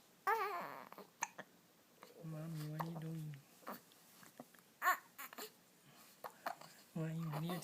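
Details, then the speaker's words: A baby girl's fussy crying broken up by short jerky hiccup catches and pauses; the parent suspects gas behind the hiccups; crying interrupted by hiccups. "crying interrupted by hiccups poor baby can't even cry properly because you got the hiccups"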